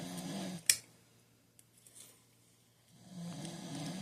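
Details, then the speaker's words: Low rattling snore on the in-breath, with a quiet pause between breaths and a brief click of handling, from an adult man sleeping in the background. "I apologize if you can hear my husband snoring in the background."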